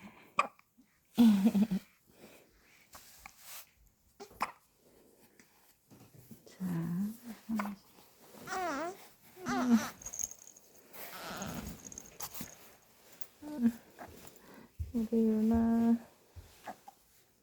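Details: Newborn hiccups, with a hat and socks put on to keep warm in a 25.5°C room: brief, abrupt hiccups recurring, with soft infant fussing between.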